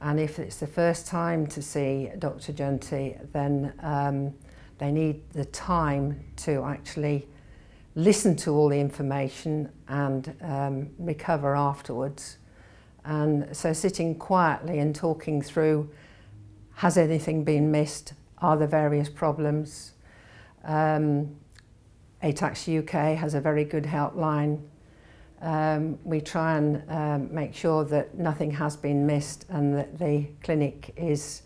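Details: Adult woman speaking; normal speech.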